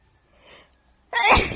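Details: Woman at a hotel: a soft indrawn breath, then a single sharp, loud burst of air through the nose and mouth; one sneeze.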